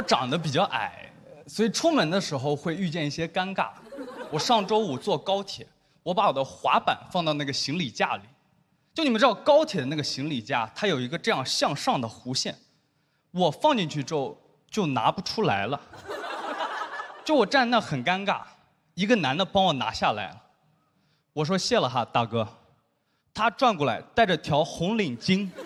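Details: Adult speaker, stand-up comedy performance; ordinary speech.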